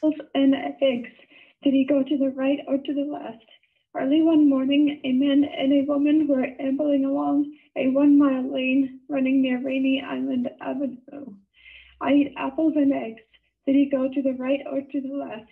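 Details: Spasmodic dysphonia (laryngeal dystonia) in a proof-of-concept study patient reading standard sentences before electrical stimulation of the thyroarytenoid muscle via a neuromodulating implant, at least three months after the last botulinum toxin injection.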